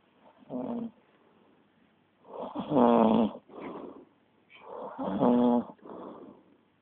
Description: This is what a snoring rhino sounds like, lmao :oD